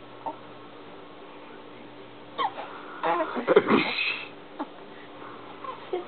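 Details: Baby hiccups in an upset infant: brief, sharp hiccup sounds recurring irregularly amid soft baby vocal noises and faint room hiss.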